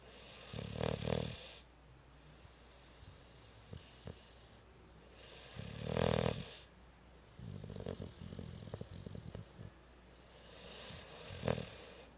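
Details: Cat snoring loudly: loud, rattling snores about every five seconds in a quiet room, with softer snuffling between them; snoring.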